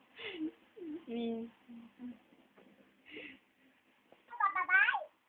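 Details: Baby gives two small, quick sneezes separated by soft babbling, then laughs at his own sneezes with a high-pitched squeal.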